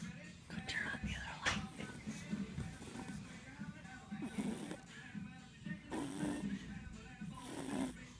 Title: snoring